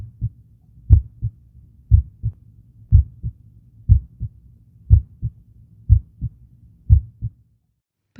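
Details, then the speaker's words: Normal heart sounds at the apex, 5th left intercostal space at the midclavicular line (mitral area), in a healthy person: regular two-part heartbeat near 60 a minute, first sound louder than the second, no murmur. "В нормі у проекції атривентрикулярних клапанів перший тон гучніше другого."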